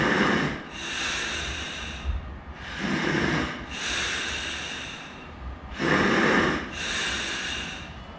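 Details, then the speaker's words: Adult breathing spontaneously through a bag valve mask to test the valve: loud hissing, sucking breaths at about 20 a minute, showing increased work of breathing; exhausted after three or four breaths. "there's actually quite a bit of sucking in and quite a bit of work of breathing I'm having to do to breathe through this"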